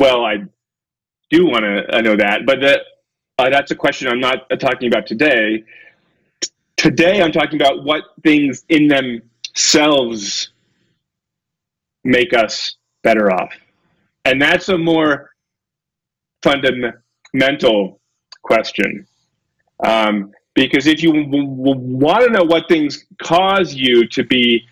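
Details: Adult male lecturer with a self-reported stutter, getting stuck on his words; stuttering.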